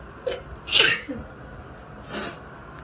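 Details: Two sharp, explosive allergic sneezes with a brief inhalation before the first and echoey room noise, in a shower, set off by the strong scent of a new body wash.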